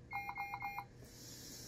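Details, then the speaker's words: Puritan Bennett 560 ventilator demonstration setup, circuit deliberately disconnected: rapid high-pitched electronic beeps, audible plus visual "patient disconnect" alarm, then quiet room; ventilator patient disconnect alarm. "but it says patient disconnect right there you notice that there is an audible alarm as well as a visual alarm"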